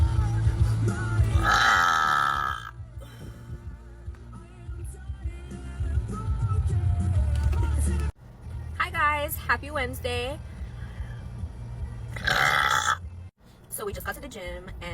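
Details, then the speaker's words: Woman burping in a pre-gym burp challenge before a leg-day session: loud, deep, drawn-out belches over background music. "yeah, yeah, I know a lot of you guys are really enjoying my burping content, so I will continue to make that for you guys."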